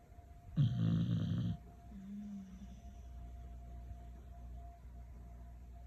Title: When you need the loo but feel guilty about moving the dogs #beagle #snoring